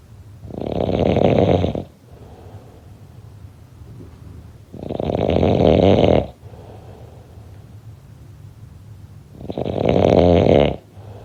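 Loud, rough snores recur about every four to five seconds, roughly 13 breaths a minute, during sleep.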